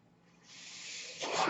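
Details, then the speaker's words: Soft hiss of rushing air building steadily then surging louder: a mechanical ventilator delivering a breath, audible in the background while its user speaks on a podcast. "hello everyone my name is worried that noise you're hearing is my ventilator"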